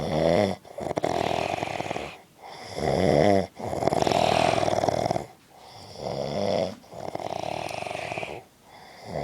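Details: Adult man (dad) snoring: loud, rattling snores with each breath, about five breaths over nine seconds, separated by brief quiet pauses; heavy snoring.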